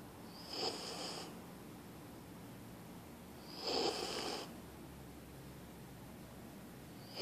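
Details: Small husky dog snoring loudly, louder than the owner's big dog; soft, slow snores on each breath, about 19 a minute, over steady room hiss.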